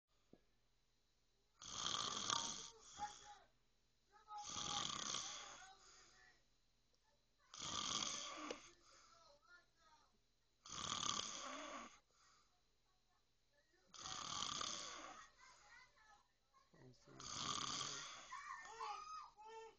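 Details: Regular harsh snores on each in-breath, about every three seconds (roughly 20 breaths a minute), with softer fluttering sounds between them; snoring.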